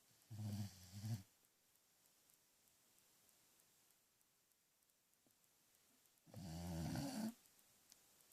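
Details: A sleeping dog snoring: two low, rattling snores about six seconds apart with near silence between.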